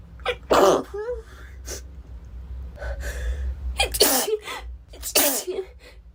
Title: Girl sneezing 15